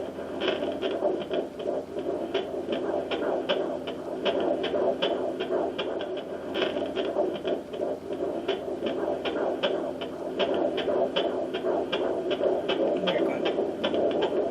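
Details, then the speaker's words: Fetal heartbeat on a home fetal Doppler at 14 weeks of pregnancy, probe on the lower belly with aloe vera gel: rapid, regular whooshing pulses, about 150 per minute, faster than the mother's; normal. "so that's baby's heartbeat and you can tell um you can tell if you've gotten um baby's heartbeat versus yours cuz it's a lot faster"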